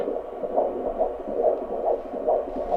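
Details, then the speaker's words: Fetal heartbeat on a home Doppler over a 33-year-old mother's late-pregnancy belly, sex unknown: rapid, regular whooshing pulses at about 140 a minute once the probe catches the moving, "happy" baby. "play this little game where they run away from the Doppler and see if you have to chase them to find the heartbeat. That's a little happy baby."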